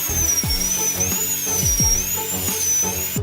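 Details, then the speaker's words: Thin, high, wavering whine of a small dental drill over loud background music: clearing residual decay near the dental nerve inside a badly decayed tooth cavity. "The doctor changed into a small drill and continued to remove it. The detritus has approached the dental nerve Be as careful as possible in the process"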